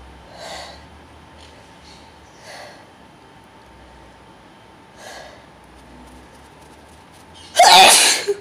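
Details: Person in a sneezing fit, unable to stop, with eyes affected: several soft breathy catches lead into one loud, explosive sneeze; forceful repeated sneezing.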